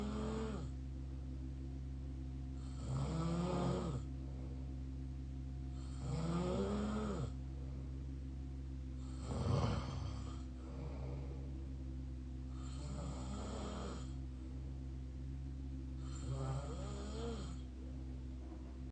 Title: mouth snore pt 3